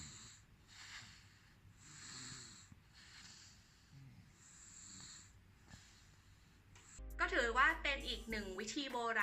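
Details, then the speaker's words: Soft, regular, fairly clear breathing of a child with a cold after red-onion home remedy for nasal mucus and phlegm, followed by background music; clearer breathing after nasal congestion. "ช่วยให้ขับน้ำมูกขับเสมหะ*มาฟังเสียงหายใจที่ดีขึ้น"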